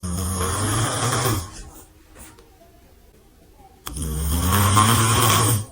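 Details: Dad snoring beside a newborn baby: loud, coarse, rumbling snores on breathing in, two long snores separated by a quieter pause.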